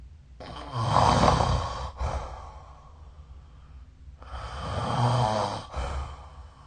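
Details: Snoring recorded with the SnoreLab phone app: two slow breaths, about 18 a minute, each inhale carrying a rough, low, rattling flutter.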